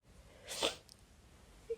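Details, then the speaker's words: Single sharp, hissing sneeze against quiet room noise from a person who says they feel sneezy and get sniffly and sneezy when it rains, after rain all night. "week I'm feeling a little bit um a little bit Sneezy actually um it was it was um raining all night and um it's typically when it rains"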